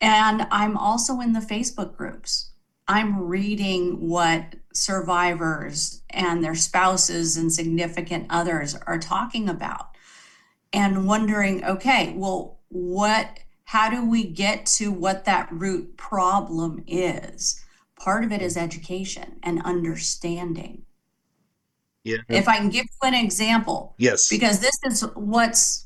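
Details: Adult woman speaking; normal speech.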